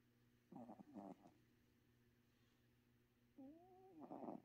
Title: My cat was snoring